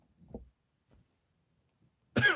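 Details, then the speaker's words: Adult who is sick with a cold and runny nose, trying to hold back coughing: faint stifled throat sounds, then one sharp cough burst at the end. "I have been coughing I've been trying to hold it back but I can't"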